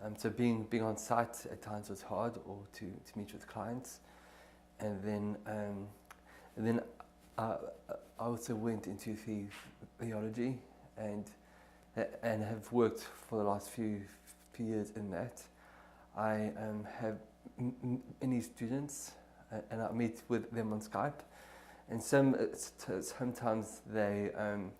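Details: Man from South Africa who has stuttered since early childhood, recorded before 12-day HCRI immersion stuttering therapy; stuttering.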